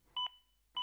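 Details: AED Plus defibrillator guiding chest compressions during CPR: clear, evenly spaced electronic metronome beeps at about 100 a minute, prompting the compression pace.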